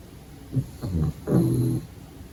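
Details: Sleeping pug puppy: soft, low snuffling snores, three short rumbling breaths in about two seconds.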